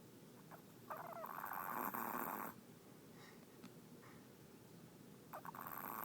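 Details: 12-year-old chihuahua in deep sleep snoring with soft, rough breaths every few seconds in a quiet room.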